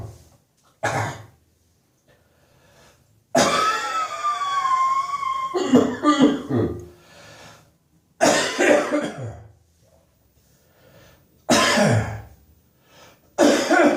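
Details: Adult's New Year's Eve morning cough: repeated harsh coughs with a strained, throaty bout, a chesty cough.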